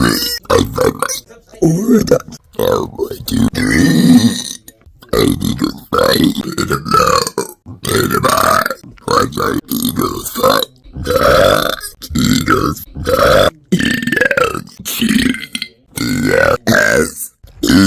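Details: A woman, on a dare, burps after drinking 2.5 cans of soda, giving a long run of loud, drawn-out, gurgling burps one after another with brief pauses between them.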